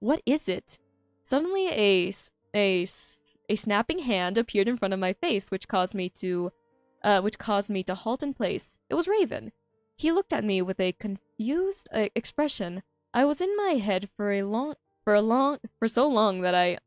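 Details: Stuttering in a female streamer who says she stutters a lot and finds reading difficult, heard while reading her own story aloud; this stretch has repeated phrases and fillers.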